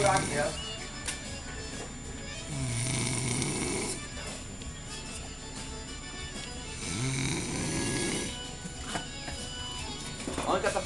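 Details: Man snoring during sleep after saying he doesn't snore: two long, low, rattling snores about five seconds apart, heard over music and room noise.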